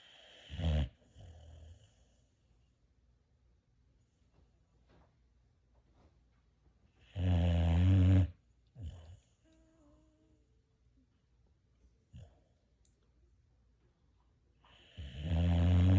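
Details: Boxer dog snoring while asleep after Christmas Day: loud, low, rattling snores in irregular bursts over quiet breathing, about three in sixteen seconds.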